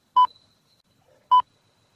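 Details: Sound-library recording of a hospital monitor: two clear electronic beeps a little over a second apart, the steady alert tone of a bedside patient monitor in a quiet room.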